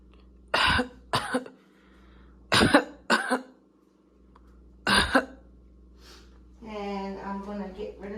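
Five short harsh coughs in pairs, then a brief voiced sound, during acted tracheostomy suctioning.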